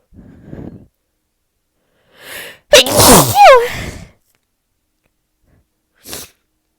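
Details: A person announcing "I'm gonna sneeze" before sneezing repeatedly and unable to stop. A quiet breath and a short inhale lead into one loud, forceful voiced sneeze, followed by a soft sniff.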